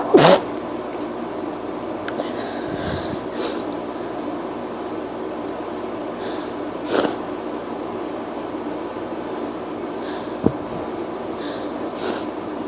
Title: Pepper makes me sneezy, sniffly & my nose hurt!